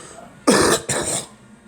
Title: Girl coughing